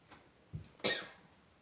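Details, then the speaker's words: Nurse's bedside assessment: an adult female patient, who reports no productive cough, is asked to take a couple of deep breaths and then give a big cough, producing a single short dry cough after a soft throat sound. "I'm going to ask you just to take um a couple deep breaths and on the last breath a big cough for me"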